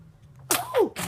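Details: Single big loud adult sneeze: a sharp hissing burst, then a falling voiced 'choo', over a low background hum; sneeze.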